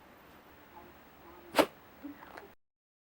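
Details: Miniature pinscher, recorded close up, sneezes once sharply and explosively, followed by a few soft snuffles.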